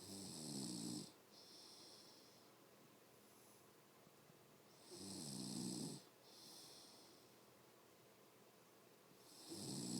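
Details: Adult mother snoring in sleep: deep rattling snores on each breath in, soft hiss on breathing out, about 14 breaths a minute.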